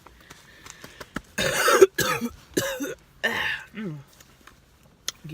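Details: An adult woman eating in her car gives about four harsh, dry-sounding coughs in quick succession, then clears her throat; she says she has a little cold; brief bout of coughing.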